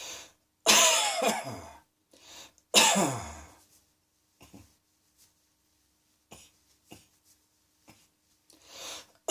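Two loud, harsh coughs followed by softer scattered coughs and throat sounds, repeated coughing.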